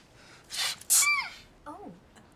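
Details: Acted sneeze by a TV comedy character (Community): a single high-pitched, squeaky sneeze after a sharp breath in, followed by a short vocal sound.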